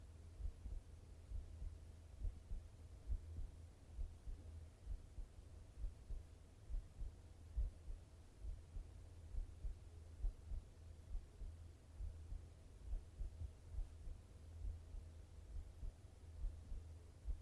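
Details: Steady, regular low heartbeat thumps at about 68 beats per minute with faint background hum; normal heart sounds.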